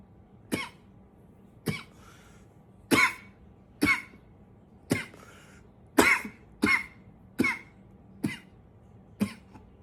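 About ten short, dry single coughs, roughly one per second, in a quiet room; repeated mild coughing.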